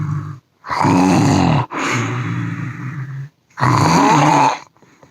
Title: Major Snoring Problems